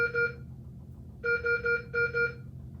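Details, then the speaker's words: Repeated bursts of steady electronic alarm tones over low room hum: an MRI infusion pump's alarm after power-on, at the new-patient prompt. "When my pump's on, it's going to ask me if I have a new patient. I'm going to select yes, new patient. And you can silence this alarm so it's not yelling at you."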